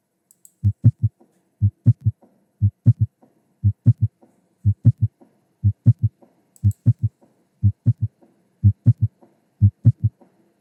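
Simulated heart at about 60 beats a minute, each beat a triple rhythm with a soft low extra sound just after the second: an S3 gallop.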